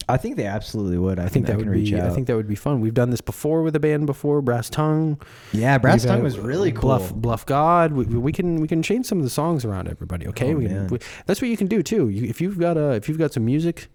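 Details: Adult men, casual conversation; normal speech.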